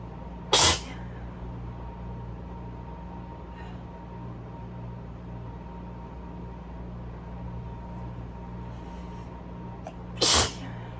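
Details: Allergy sneezing fit with arms above and behind the head: two sharp, explosive sneezes about ten seconds apart over a steady room hum.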